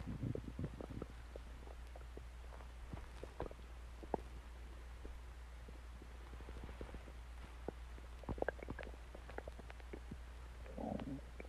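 Low rumbling and scattered gurgles and pops from the belly over a steady hum; ordinary stomach growling, a normal bowel sound.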